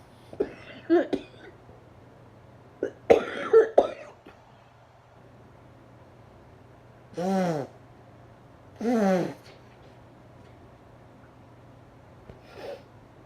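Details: A sick adult during a coughing fit with nose blowing: two quick clusters of harsh coughs, followed by a couple of drawn-out, voiced groans; cough.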